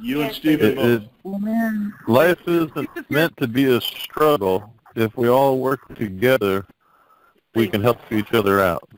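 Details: Adult male speaker; Ordinary speech.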